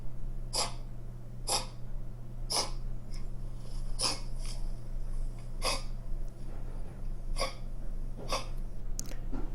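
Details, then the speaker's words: A dog gives a run of short, sharp 'kek-kek' coughs, described by a veterinarian as a very typical canine dry cough caused by narrowed airways. "소리고 나는 아주 전형적인 강아지 마른기침 소입니다"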